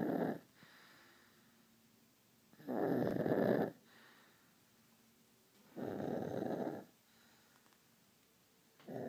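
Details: 18-month-old boy who has snored since birth, asleep: loud, rough, fluttering breaths about every three seconds, roughly 20 a minute, with quiet gaps between; snoring.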